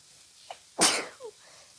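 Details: Person with a winter cold: a quick inward catch of breath, then one sharp hissing sneeze and a brief soft exhale; sneezing.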